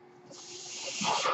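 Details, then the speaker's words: A soft airy hiss builds steadily in loudness over about a second as the speaker's home mechanical ventilator delivers a breath during his talk; ventilator breath cycle. "hello everyone my name is that noise agrees my ventilator and welcome to won't grant Wednesday on page turners"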